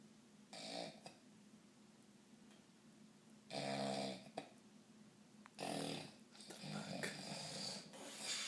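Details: Person snoring loudly after an evening of drinking: intermittent snorting snores with a rough, fluttering quality, separated by quiet pauses.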